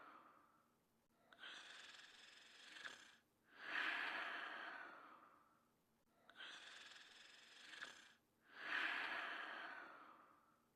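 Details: Person asleep: slow, noisy breathing at about 12 breaths a minute, with rough snoring on each breath in a quiet room; snoring.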